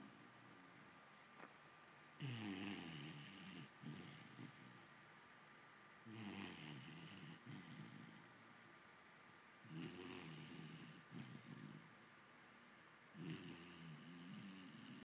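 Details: Vizsla puppy snoring through the morning: soft, rumbling snores with each breath, about 16 a minute, in a quiet room.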